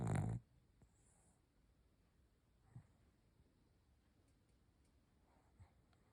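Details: Dog snoring in a quiet room: a loud low snort, then two soft snores about three seconds apart.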